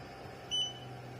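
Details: A single short high-pitched beep from the control panel of an ANGELBISS ANGEL-5POC portable oxygen concentrator during setup, after the button is pressed for 2 seconds; a normal operating sound.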